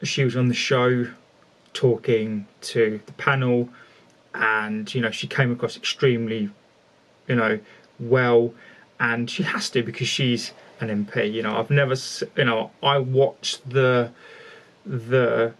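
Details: Male speaker who calls himself one of the people who stammer, showing repetitions of words. The finding is real stuttering (stammering).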